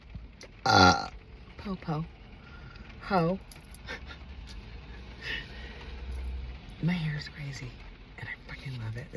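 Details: Several loud, croaking, soda-style burps from a lot of gas, mixed with quiet talk and laughter over low room noise.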